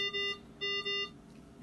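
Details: GE Carescape ventilator during its pre-use test with patient circuit attached: three short, high electronic beeps, a routine alert tone from the ventilator alarm.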